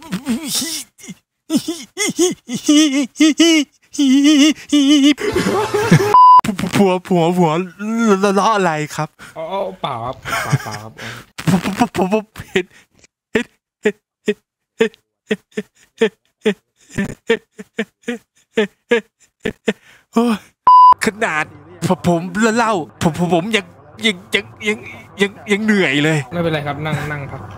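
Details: Imitated stuttering: a male player deliberately fakes a stutter as a prank while chatting in VRChat; this is not a real disorder.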